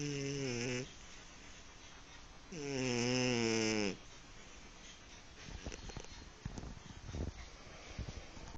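Two long, buzzing, tonal breath sounds with a quieter rustling stretch after: a kitten snoring.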